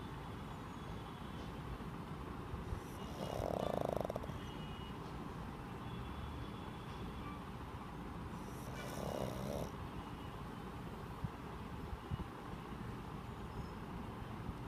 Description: My two and half years old pug BOOFY likes to snooze all day except for MINNI is around! Watch him catching a few winks with a loud snore!!